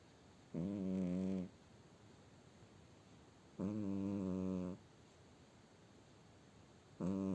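Loud, buzzing, humanlike snores on each in-breath, about one every three seconds, with quiet pauses between; snoring in a cat.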